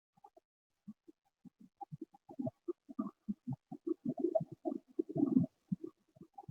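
Irregular short popping and scratching sounds through the breath, denser toward the end, consistent with dry crackles.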